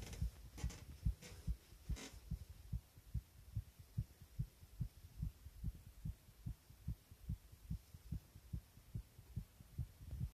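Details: Heart sounds: steady, regular low thumps at about 140 per minute, a fast heartbeat, with some rustling at the start.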